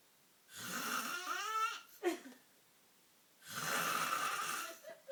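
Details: Heavy snoring: two loud, rough snores of about a second each, separated by quiet pauses, with a short gurgling snort between.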